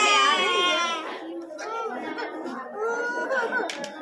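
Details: Baby girl crying over an injection: loud, high-pitched infant crying fading into whimpering sobs, with adults soothing nearby in a small room.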